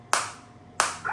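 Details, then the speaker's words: Focused (not radial) shockwave therapy device firing during a demonstration at low frequency: two loud sharp clap-like pops about two-thirds of a second apart, with intensity adjustable 1 to 15. "So I can't tolerate the same on my hand because this is a focus shockwave."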